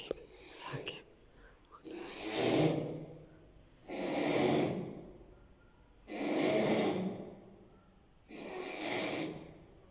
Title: #Snoring @ its Best ...